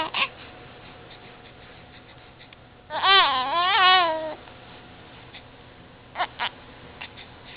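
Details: Infant about 1.5–2 months old who often gets hiccups and hates them: a brief, high, wavering cry of about 1.5 seconds, with a few short sharp catches before and after.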